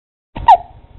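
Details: Infant boy with hiccups again: a single brief, sharp, high hiccup in a quiet room.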